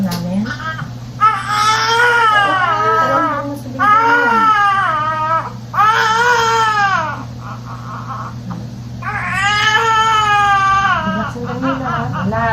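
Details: Newborn baby boy, a second baby, crying just after delivery: loud, sustained wails in several long bursts with pauses for breath, over a low room hum; a normal, vigorous cry after birth.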